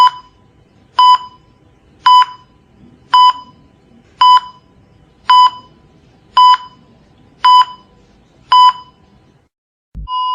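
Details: Simulated cardiac monitor sound effect: steady electronic beeps about 56 a minute tracking the heartbeat, from a set including asystole, ventricular tachycardia, isometric, 30 resuscitation cycles and paddle effect; cardiac monitor beeping.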